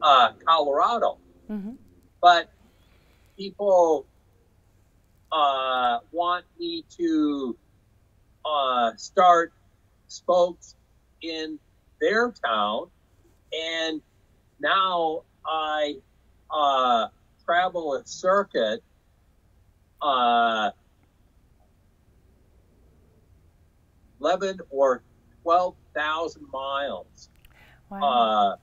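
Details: Aphasia in a man after a stroke in 2005 caused by hereditary hemorrhagic telangiectasia (HHT); he says he had or still has aphasia.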